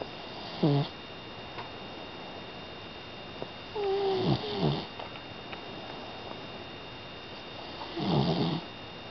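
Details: Soft, irregular snorting snores from a sleeping 5-month-old female pitbull puppy that snores constantly and sometimes loudly, over steady room hum; snoring.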